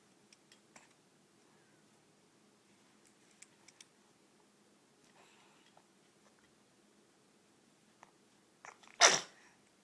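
Quiet room with faint small clicks and rustles, then one short sharp hissing burst near the end, like a small sneeze.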